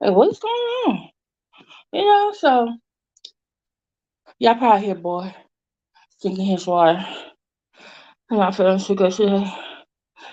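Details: Woman with an overbite who recently got braces and a tongue crib ("tongue tamer") that keeps her tongue off her teeth, causing a temporary lisp she calls her current speech impediment.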